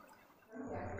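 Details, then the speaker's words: First test of a newly unboxed electric steam inhaler, bought after hospital advice to take steam with neem leaves for relief while unwell: after a quiet hiss, water bubbles and gurgles to the boil as steam rises from the top. "చూస్తే, అది మరుగుతోంది మరియు పై నుండి ఆవిర్లు వస్తున్నాయి , చూడండి."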